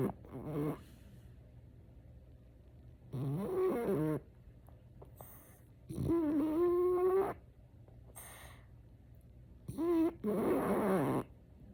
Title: Lazy Sunday mornings and frenchie snores! #fypシ #frenchbulldog